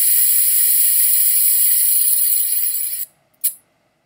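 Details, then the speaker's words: Steady high hiss for about three seconds, then a short puff: a simulated dental air syringe drying teeth before bonding braces brackets in a video game. "let's bring some air to get the teeth nice and dry"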